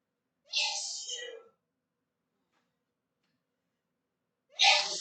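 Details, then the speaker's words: Two loud, hissing adult female sneezes separated by a few seconds of silence, during a mukbang meal; sneeze. "Don't judge me by the way I sneezed, okay? And I know it was loud. Sorry."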